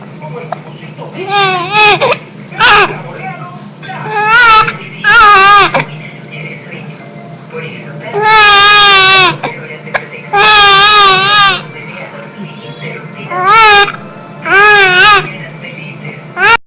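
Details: Baby with hiccups crying: repeated wailing bursts of infant crying separated by short pauses and quieter breaths.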